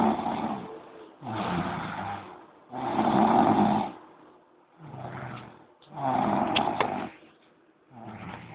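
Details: Loud, rough snores on each breath, about six in eight seconds, with quiet gaps between, heavy snoring during a noontime nap.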